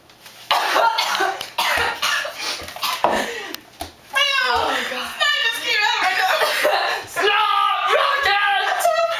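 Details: A girl has a coughing fit, a rapid run of about six harsh coughs followed by talking. She remarks she probably shouldn't have drunk the whole bottle of soda.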